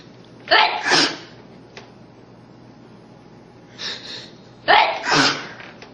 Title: Sneeze Art Project